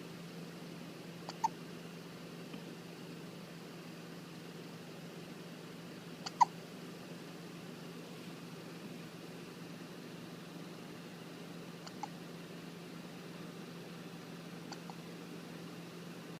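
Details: Newborn baby, 1–2 weeks old, with hiccups: faint, sharp little hiccup sounds at irregular intervals, about four in 16 seconds, over a steady background hum.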